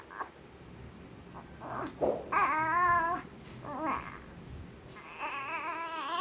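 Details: Newborn girl at 3 days old in a quiet room making brief squeaks and short wavering cries; ordinary newborn vocalizations.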